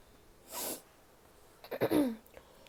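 A short breathy burst, then a quick sharp sneeze with a brief voiced catch, in a quiet room.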